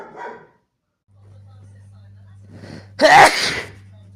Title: muchos estornudos / many sneezes #sneeze #sneezeonly #sneezes #sneezyblessin #sneezing #estornudo